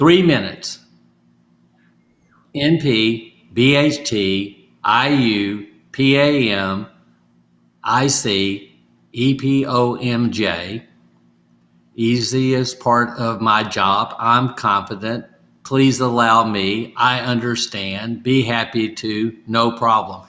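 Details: Adult stroke survivor with aphasia (post-stroke), in recovery and doing home therapy practising phrases from sticky notes; aphasia.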